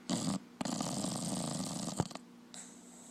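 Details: Dog snoring while asleep: brief raspy, buzzing breath noises with a sputtering quality.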